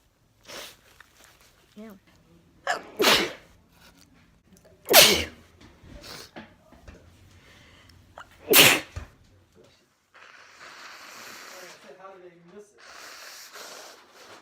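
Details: Person with allergies who has taken three allergy tablets: three forceful sneezes with sniffs between them, followed by nose blowing; allergic rhinitis sneezing.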